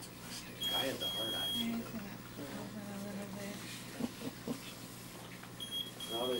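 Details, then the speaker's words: Repeated high-pitched electronic beeping from an IV infusion pump alarm over room chatter in a newborn baby's hospital room; family suspects the pump is not plugged in, battery light on. "I'd call them about that because that shouldn't beeping suppose it's not plugged in the battery light's on"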